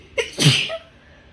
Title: Female Sneezing